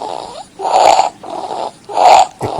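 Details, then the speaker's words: Child with subglottic stenosis who was still living at home: harsh, high-pitched biphasic stridor heard in both inspiration and expiration, unlike the inspiratory-only stridor of vocal cord paralysis. "las dos fases de trifas por lo tanto podemos decir que estos niños no es una apariencia de cuerdas vocales que tiene ese ruido inspiratorio con una aleatoria tan alta"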